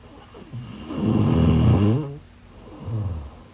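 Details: Two loud, low, rattling inspiratory snores, the first long and strong, the second softer; snoring during sleep.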